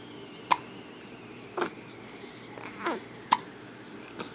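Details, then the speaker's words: Baby with hiccups while being talked to by mother: four short, sharp hiccup sounds, about one per second, over quiet room noise. "what else baby my ball had a baby what else got hiccups her can't talk yeah hiccups yeah"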